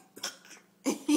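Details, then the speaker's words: A young child, having juice and a snack, gives about three short, harsh cough bursts in quick succession; described as a terrible cough. "goodness, he got terrible cough."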